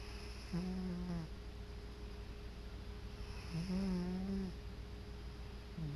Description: My cat sleeping and snoring away on his favorite chair.